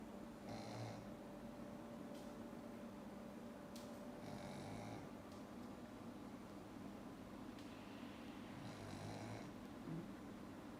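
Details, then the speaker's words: Black pug, flat-nosed, snoring while awake with eyes wide open: three rattling, snorting breath sounds about four seconds apart over a quiet room hum. "お目目ばっちり開けてさ、いびきかいてんのね。お花ぺっちゃんこだからしょうがないよね。"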